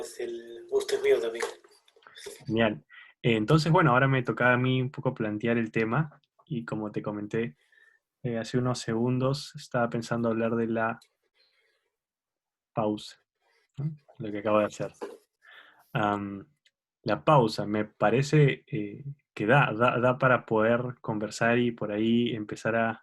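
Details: Adult man who stutters, speaking Spanish in a conversation about using pauses in stuttering; stuttering.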